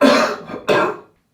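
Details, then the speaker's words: Acted demonstration of a productive cough after one to three huffs to bring up shifted secretions; two moist-sounding coughs, the second a looser follow-through. "if the Huff technique has worked hopefully your cough will be more productive and will need to be less forceful and hopefully less aggravating"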